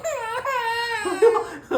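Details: A loud, drawn-out wail then a rising sob from a six-month-old baby crying after being laid on the bed; ordinary infant crying.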